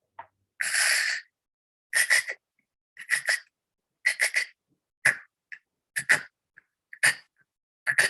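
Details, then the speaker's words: Simulated hypopnea imitated while explaining a sleep study: one long noisy breath, then short choppy snorting bursts from a partly obstructed airway with continued breathing effort; hypopnea with snoring. "the patient's continuing to try to breathe but they are obstructing and i'm just going to use the mouse and demonstrate myself what this sounds like and kind of looks like okay so"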